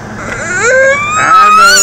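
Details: Young boy with hiccups crying in frustration: a rising, wailing cry growing louder and higher, with faint background noise; fussy infant cry.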